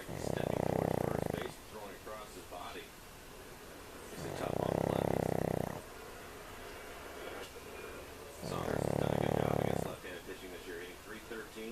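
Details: A sleeping pug snores loudly: three buzzing snores about 4 seconds apart, with snuffly breathing between. The owners think her small nose restricts airflow.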